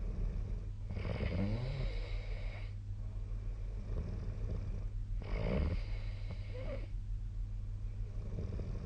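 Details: Snoring during sleep recorded with the SnoreLab snoring app: two long, rattling snores on breaths in, about four seconds apart, over a steady low hum.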